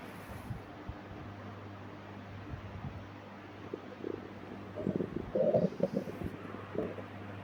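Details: Stomach growling at midnight during a bout of diarrhea: low steady room hum, with bursts of gurgling and rumbling in the second half; bowel sounds (borborygmi).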